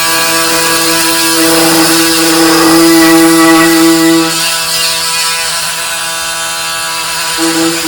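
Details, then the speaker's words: Reverse shoulder arthroplasty demonstration on a sawbones model: a powered saw removes a piece of the humeral head as the first step, with a steady high motor whine cutting bone; surgical bone saw. "We're going to remove that piece of bone there, okay? So that's the first step of the procedure."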